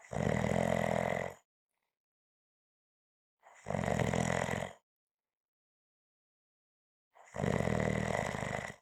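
Three loud, harsh, rumbling snores about every 3.5 seconds, each lasting roughly a second, with silence between.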